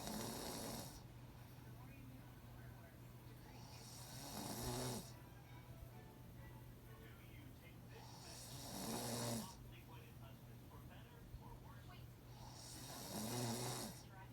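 Slow, regular snoring, about 14 breaths a minute, with rough hissing breath sounds over a steady low background hum; a child snoring in sleep.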